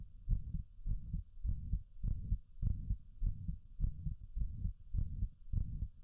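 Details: Regular heartbeat at about 100 beats a minute, with a low rumbling murmur filling the gaps between beats: heart murmur.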